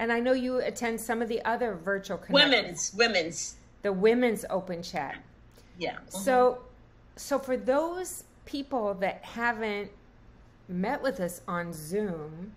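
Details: Adult woman speaking; ordinary speech.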